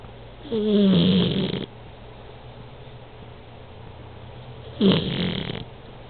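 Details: Snoring from a sleeping cat: two low, rattling snores separated by a quiet pause, with faint steady room hum.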